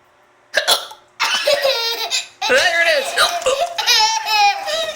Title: Hiccups!